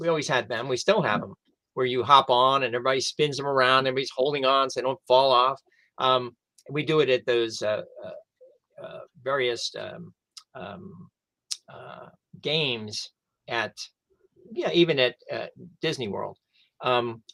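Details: Adult male stroke survivor who lost his language after a stroke, now with mostly expressive (Broca's) aphasia; expressive aphasia.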